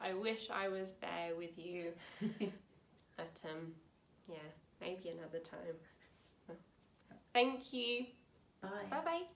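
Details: Young woman, 28, with aphasia after a severe stroke at school in 2009 at age 18, about nine years on; aphasia.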